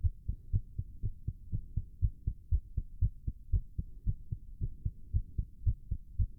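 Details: Rapid heartbeat during exertion.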